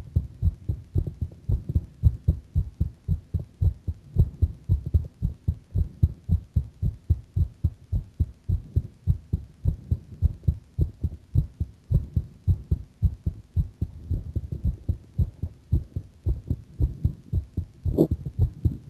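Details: Heart sounding a bit faster: rapid regular low heart thumps at about 110 beats a minute; mildly fast heartbeat.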